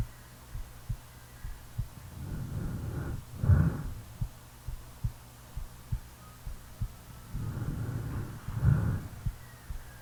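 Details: Real recording of a person sleeping: steady, soft heartbeat thumps at roughly 100 a minute, with two slow snoring breaths in the background; an ordinary heartbeat.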